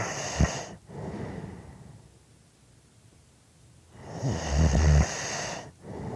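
Deep, rumbling snores on each breath in, separated by a quiet pause of a couple of seconds.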